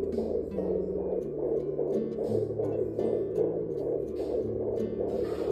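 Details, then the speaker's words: Home fetal Doppler in the second trimester: rapid, regular whooshing fetal heartbeat, about 140–150 a minute, heard clearly and loudly under background music. "mas agora que eu tô no segundo trimestra dá para ouvir muito certinho o coração do bebê e muito alto também e 140 150"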